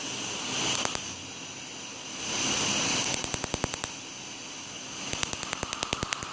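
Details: Rapid sharp snapping clicks in bursts, several pulses a second, over a steady machine hum: a laser firing during the 8th tattoo removal session on a dark-outlined peace sign tattoo.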